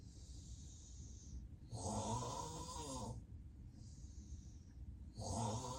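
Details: Deep, loud rattling snores alternating with softer hissing breaths and apnea pauses; real, unacted daytime nap of a person with sleep apnea, heavy snoring.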